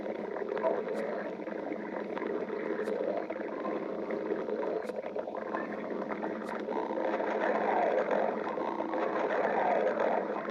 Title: stomach growling 2